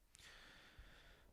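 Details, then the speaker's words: A sleeping dog snoring in the background of a quiet room: a single faint, airy snorting breath; ordinary snoring. "I don't know if you can hear Izzy in the background snoring, but"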